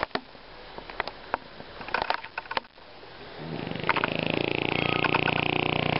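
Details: French bulldog making scattered clicks and snuffles, then a sustained rough, rattling buzz with each breath; loud snoring.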